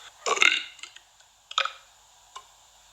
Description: A compilation of best burps.